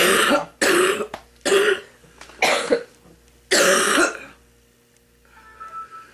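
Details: Five harsh, rough coughs in quick succession from an elderly grandmother who smokes, clearing mucus before her first cigarette; productive cough.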